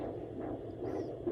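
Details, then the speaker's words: Home Doppler on the belly of a 39-weeks-pregnant mother gives rapid, whooshing pulses of about 140 a minute from her baby boy: a normal fetal heart rate, within the 120–160 range. "but this is a great heart rate for him 120 to 160 is normal for a baby"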